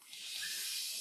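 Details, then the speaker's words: Anaesthesia machine check, suction test: steady high-pitched rushing hiss of suction set to maximum, showing the suction works. "வேலை செய்கிறதா என்பதை நான் இங்கே சரிபார்க்கிறேன், அந்த ஒலியை நீங்கள் கேட்கலாம், அதன் முடிவில் நான் கையை வைத்தால், இந்த உறிஞ்சுதல் வேலை செய்கிறது என்பதைக் காண்பிக்கும்"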